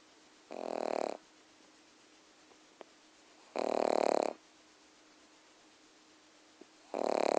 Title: Milly the Pug snoring